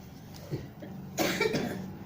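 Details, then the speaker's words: Soft, brief cough of a sick young child during a traditional massage session, with faint room noise; described as an ordinary cough, treated with syrup. "Biasanya ini kayak batuk kayak biasa nah dimbeni sirup nah mantap."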